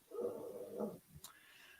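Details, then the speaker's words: Sleeping pug heard during a podcast recording in a quiet room: a single rough, fluttering snore followed by a faint click: pug snoring. "how loud is the Pug snoring can everybody hear the Pug snoring"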